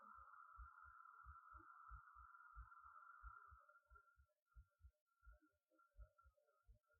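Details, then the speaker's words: Own heartbeat picked up by a 3Dio binaural microphone held to the chest during a live ASMR stream: regular low thumping at about 90 beats a minute under a steady electronic hum. "Um, you can hear my heartbeat through this. Hold on. Is everybody ready for heartbeat time?"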